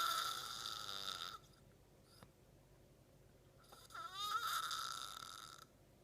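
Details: A man dozes off mid-conversation and snores: two rough, rattling breath noises separated by a quiet pause; snoring during sleep.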